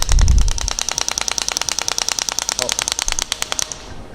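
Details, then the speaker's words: Shock wave therapy device with a 6 mm head firing on the Achilles tendon to focus energy deeper in the tendon: a brief low thud, then rapid sharp clicking pulses at about 200 a minute. "So once again, in this area, we're going to start shooting."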